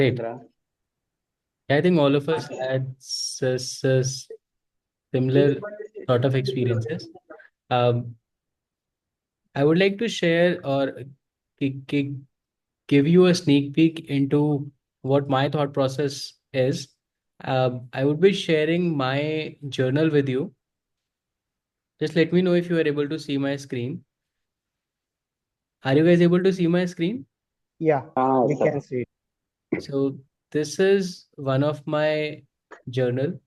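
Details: Adult male who describes himself as a person who stutters and is ashamed to stutter in front of people; audible sound repetition mid-sentence; stuttering.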